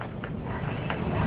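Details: Abdominal percussion: two short, flat tapping thuds giving a dull note, meaning no air beneath the hand, suggesting a mass or fluid.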